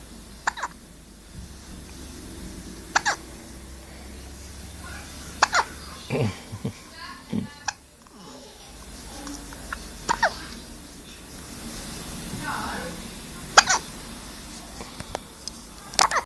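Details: Young child with hiccups, repeated short, sharp hiccups every one to three seconds, soft child sounds over a noisy room background.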